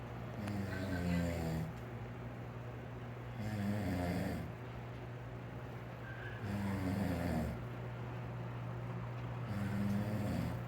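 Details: Loud, rattling snores with each breath in, about every three seconds, roughly 18 breaths a minute, over a steady low room hum; snoring in a sleeping father.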